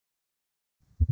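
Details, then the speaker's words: Mitral stenosis: loud first heart sound from thickened valve, then an opening snap followed by a low-pitched diastolic rumble that fades then grows louder with atrial contraction (presystolic accentuation); mid-diastolic murmur with opening snap. "so the s1 will be very loud because we fast thickening and then in this case because this is the mindfulness this is an oh there is an opening snap before there's a low pitch the crescendo crescendo diastolic murmur"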